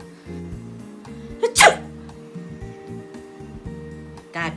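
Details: Single loud, sharp sneeze over background music, followed by a brief voice: sneezing.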